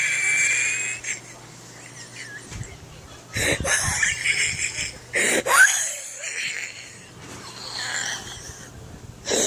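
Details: Person who reports having bad asthma makes high-pitched whistling breaths with noisy, irregular inhalations and exhalations; asthmatic wheezing.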